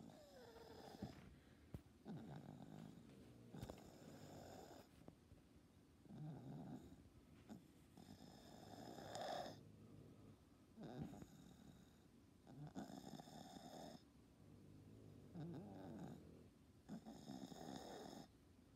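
A cat's breathing carries a low, coarse snoring rattle with each breath: stertor from the upper airway.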